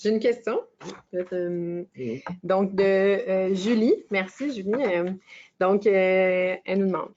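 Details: Adult woman speaking French; ordinary speech.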